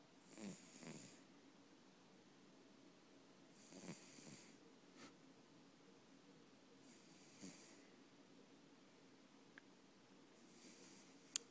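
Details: A sleeping cat snores, soft regular breathing with a hissy, fluttering snore on each breath, about 18 breaths a minute, in a quiet room.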